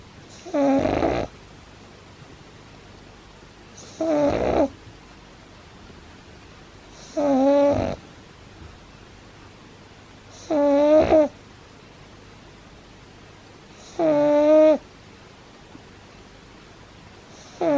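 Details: Pug puppy fast asleep: loud, regular snores with a buzzing, whistling tone on breaths in, about 17 a minute, with quiet pauses between; owner says he rarely snores like this. Snoring.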